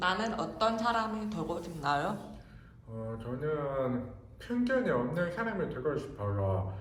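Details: Speech of a hard-of-hearing man who wears a hearing aid in the left ear and a cochlear implant in the right ear; the cause of his hearing loss is unknown. Speech of a person with hearing loss.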